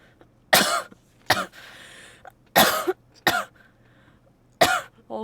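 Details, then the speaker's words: Adult with a bad cold, headache and ear pressure, not thought to be COVID, apparently without fever: five harsh, separate coughs over about five seconds with brief pauses between. "이번에 이제 감기가 좀 심하네 이게 내가 감기 원래 잘 안 걸리거든요 감기는 아 근데 이게 진짜 심하다"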